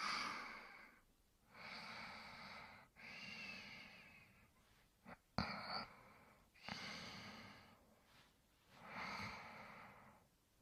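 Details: Spike sleeping and snoring.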